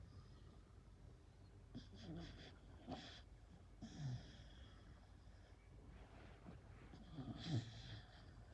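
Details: A resting, shivering beagle gives soft, irregular snuffling and snorting breaths over quiet room noise: light snoring.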